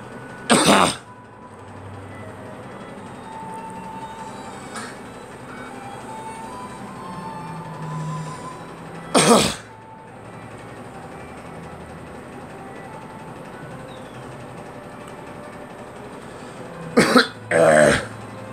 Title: Girl coughing